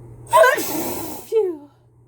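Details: A single sneeze into a mask during a cold: sharp voiced intake, then a muffled burst of air ending in a brief sigh, amid a run of repeated sneezes.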